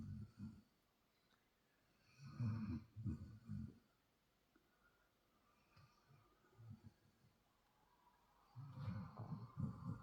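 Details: Sleeping 6-month-old Belgian Malinois Shepherd puppy: low, rough grunting snores in uneven bursts separated by quiet breathing; snoring.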